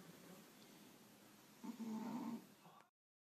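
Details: A sleeping cat snoring on a Sunday late morning: a single soft, buzzing snore over quiet room noise.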